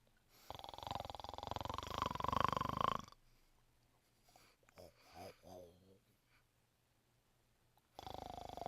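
Loud rattling, buzzing snores on the in-breath with quiet pauses and soft breath sounds between them.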